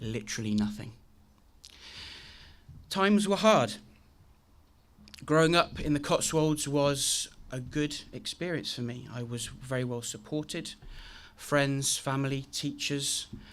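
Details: Adult man with a very chronic stammer since age three, deliberately demonstrating how his speech sounded on a bad day; stuttering (stammer).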